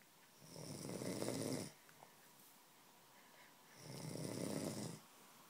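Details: Snoring while sleeping.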